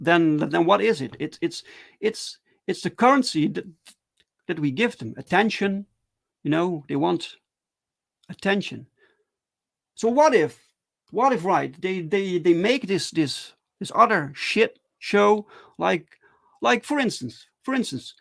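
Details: Adult man who stutters, speaking live in a solo stream; stuttering.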